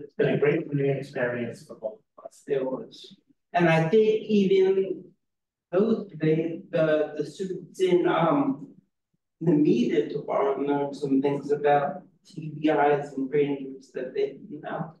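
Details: Real adult woman with aphasia who is a member of an aphasia institute and helps train conversation partners; aphasia.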